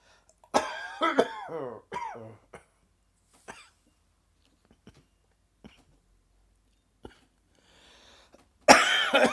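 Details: Dry, tickling coughing fit in an adult that came on suddenly in the afternoon: short, dry, hacking coughs with quiet pauses between bursts.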